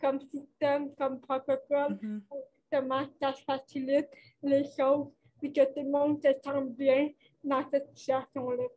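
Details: Dysarthria associated with cerebral palsy in a 29-year-old woman, caused by lack of oxygen at birth; she appears to mention speech difficulties; real conversational French speech.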